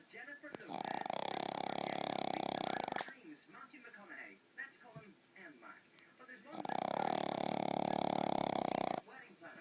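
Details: Two long, loud rattling snores with quieter snuffling breaths between, close to the microphone, from a pet sleeping peacefully on a lap; snoring.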